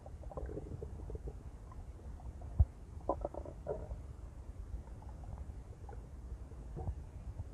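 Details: Intense stomach growling: low, continuous gurgling and rumbling with a few sharper bubbly pops, ordinary gut movement (borborygmi).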